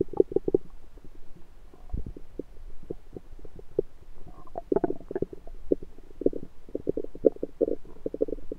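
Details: Self-recorded with a USB stethoscope on the belly: frequent bubbling, gurgling rumbles, ordinary active bowel sounds.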